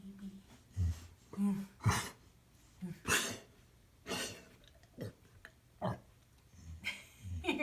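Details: A series of about six short, harsh coughing bursts from a pet animal named Jake, spaced over several seconds; the owner comforts him and rubs his throat.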